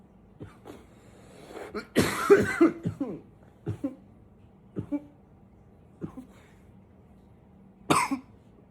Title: 9 - coughing a bit